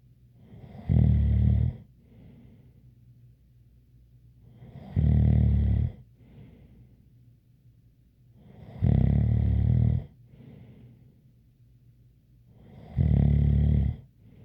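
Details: Loud, regular low rattling snores about every four seconds, roughly 15 a minute, with a faint light whistle on each breath.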